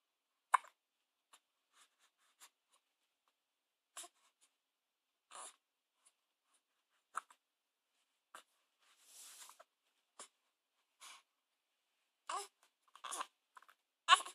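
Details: Brief sharp hiccups recurring irregularly in a quiet room, about a dozen over fourteen seconds; hiccups.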